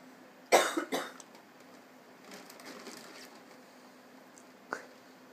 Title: Pynchon Rescues a Plastic Bag (And Sneezes)